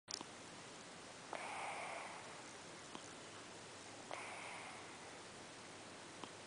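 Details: A cat lying in the owner's lap snores while asleep.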